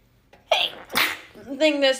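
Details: Girl: a quick in-breath followed by one sharp, hissing sneeze, then a brief voiced sound; sneeze.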